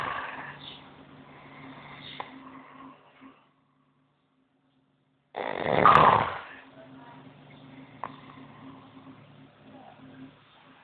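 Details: A man sleeping after his first day of partying in Ibiza: loud, rasping snores, with a strong snort after a quiet pause; snoring.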